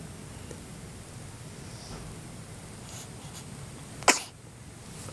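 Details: Baby in hospital, said to have hiccups: after steady room noise, one short, sharp burst, a single small sneeze.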